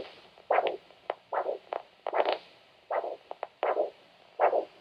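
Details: Doppler signal over the ankle arteries during a podiatry new-patient baseline check: rhythmic pulsed whooshes about 76 per minute, a strong surge then quick short beats over static hiss, showing good vessel elasticity; normal triphasic arterial Doppler signal.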